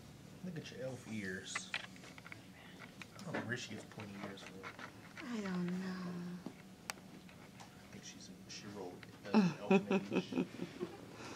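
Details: Newborn baby girl delivered by C-section, crying in a small hospital room in short wails and longer drawn-out cries with gasping breaths between.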